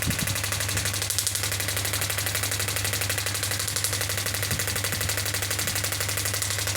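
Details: Pneumatic radial extracorporeal shockwave therapy (ESWT) clinical touchscreen unit, 0.5–10 bar pressure range: fast, steady rattling pulses, about four per second, over a low hum; radial shockwave therapy device firing.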